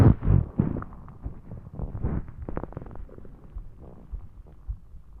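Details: Low gurgling and rumbling with bubbly pops after drinking soda, with some heartbeats also audible; ordinary stomach growling (borborygmi) from gas and fluid moving through the gut.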